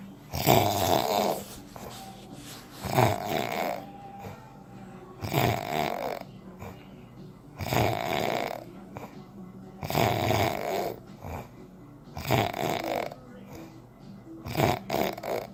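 Loud rattling snores with each breath, about 26 a minute, in a steady rhythm, with a softer exhale between them.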